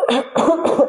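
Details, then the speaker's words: Cough from an adult who says they still have a cough: three quick, partly voiced coughs in a rapid run under a second. "smetterò di tossire Forse alla fine della diretta mi sentirete tossire tutto il tempo"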